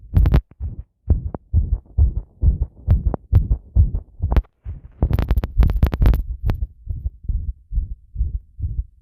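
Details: Heart sounds recorded after bathing with the device pressed on the chest; loud, fast, thudding heartbeats with rubbing and scraping noise from the microphone on the chest.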